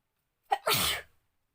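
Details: Sneeze during a sneezing challenge induced with pepper: short sharp intake followed by one loud explosive burst.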